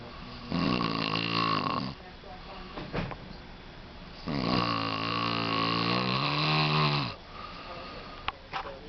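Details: Adult man snoring while sleeping during work: two long, loud, rattling snores a few seconds apart, each with a coarse buzzing tone, separated by quieter breathing.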